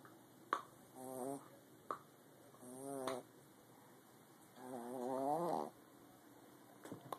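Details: Soft, whistling, wavering breath noises with gaps and faint clicks, giving a squeaky, nasal quality; snoring.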